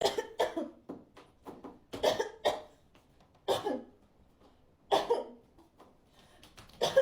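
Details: Voluntary cough: an adult deliberately coughs repeatedly with throat clearing, acted rather than from illness, to see a daughter's reaction.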